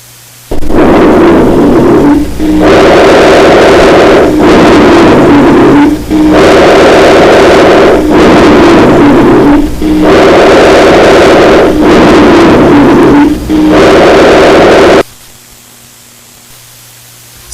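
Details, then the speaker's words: Loud, low snoring rumble like a double bass through both phases of repeated breaths, from narrowed medium and large bronchi: rhonchi. "hombre que duerme o la nota de un contrabajo se escuchan en todas las regiones de altura son movibles y cambiantes se escuchan los dos tiempos de la respiración"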